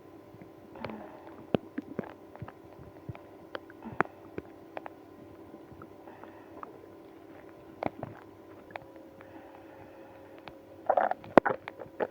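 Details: Scattered gurgles, squelches and drawn-out tonal groans, with a burst of gurgling near the end, after drinking milk and prune juice in a person with IBS; active bowel sounds, stomach growling.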